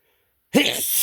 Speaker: It's coming again. Excuse me. So strong. It's hard to hard to stifle them.